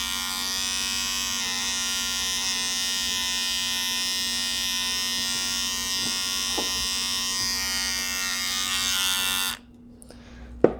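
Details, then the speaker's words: Steady high-pitched clipper buzz for about nine seconds, then stopping, shaving a small spot on the medial aspect of a dog's hind leg before medial saphenous blood collection: electric clipper buzz. "So I'm just going to shave a very small spot."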